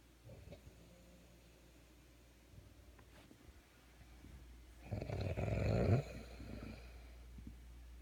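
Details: Real recording of a person sleeping after a very tiring day: quiet breathing building to one loud, rumbling snore in a small room with a low hum; snoring.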